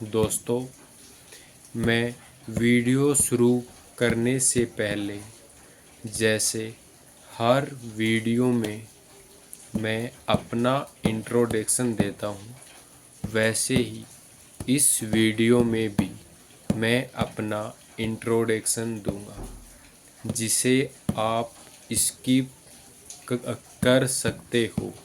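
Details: Stuttering (stammering) in an adult man who gets blocks, stammers more on words starting with 'm', 'p' and 'b', was told at a hospital his vocal cords are normal, and practises daily to control it.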